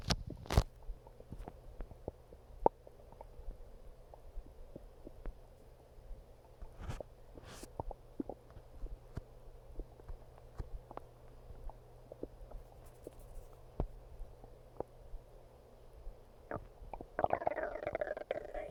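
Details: Stomach growling: soft gurgles, pops and clicks over a steady low hum, consistent with ordinary bowel sounds (borborygmi).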